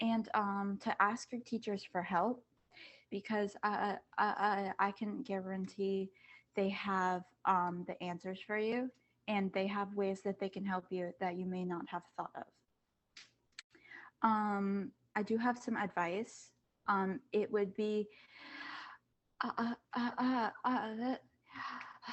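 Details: Student who stutters, on a panel of kids, teens and adults who stutter, back at school after online classes; says masks make them even harder to hear. Stuttering.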